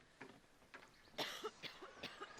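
An adult gives a run of about six short, dry coughs, one louder than the rest; acted coughing in a quiet room.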